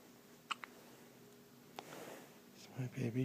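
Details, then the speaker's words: Baby girl with hiccups: a few brief, soft, chirpy hiccups in a quiet room, with an adult voice starting at the end. "How cute are those? Little chirpy hiccups."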